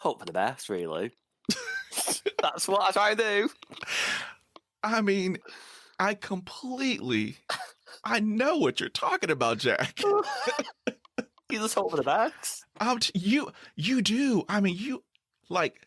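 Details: 49-year-old man who stutters and reports severe blocks with eyes closing and breathing stopping; part-word and whole-word repetitions; stuttering.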